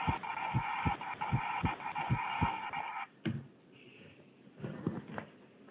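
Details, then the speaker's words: Normal heart sounds from a teaching example, with a regular lub-dub (S1 and S2) at about 77 beats per minute and no murmur. "so i'm going to keep playing this several times just to kind of get an idea of what it sounds like what a normal what a normal heart sounds like we'll do one more time"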